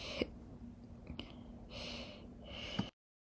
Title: September 2022 Slow Hiccups